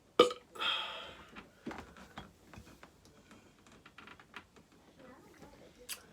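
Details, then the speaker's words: A sharp, deliberately bragged-about belch with a short trailing rasp, made as part of a skit, followed by quieter room noise; a burp. "Yeah, pretty sure I'm the best burper ever. Yeah. Wasn't even trying just now."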